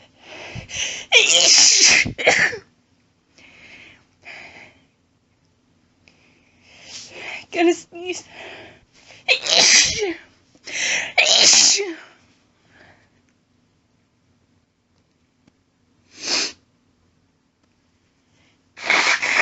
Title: Gonna sneeze! Announced strong sneezing (f)